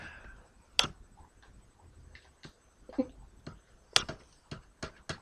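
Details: Repeated short, sharp hiccups about every second in a quiet room; person says they feel they are going to throw up.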